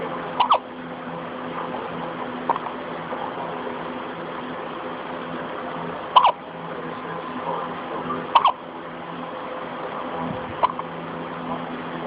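About five sharp, brief catching sounds at irregular intervals over twelve seconds against steady low room hum: hiccups.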